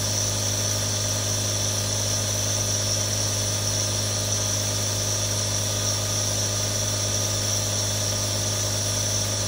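Steady mechanical hum with a constant hiss, the sound of a nebulizer compressor running continuously.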